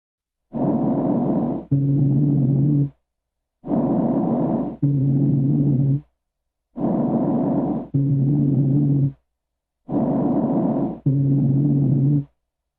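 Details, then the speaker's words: Lung auscultation with breaths at about 19 a minute and a low, continuous, snoring-like adventitious tone on each breath out: rhonchi, or low-pitched wheezes. "los ruidos bajos continuos y adventicios semejantes a ronquidos se denominan sibilancias de tono bajo se escuchan como sigue"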